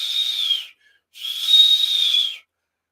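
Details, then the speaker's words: Two sustained high-pitched whistling sounds, like a hot tea kettle, over a hemodialysis access; a whistling or pounding sound instead of a low continuous whoosh means the access may be starting to narrow and need maintenance. "again if you hear a pounding pause or a whistling noise when you're listening to it something like that like a hot tea kettle your access may need maintenance"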